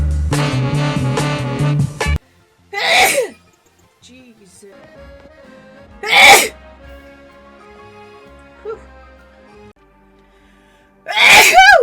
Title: Sneeze Compilation Part 2!